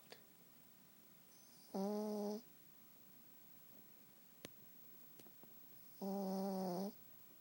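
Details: Small Pekingese dog snoring loudly in deep sleep: two drawn-out, tonal snoring breaths about four seconds apart in a quiet room.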